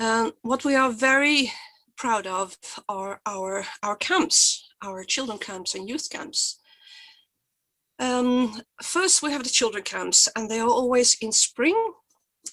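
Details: Stuttering in an adult woman who identifies herself as a person who stutters, with stuttering blocks.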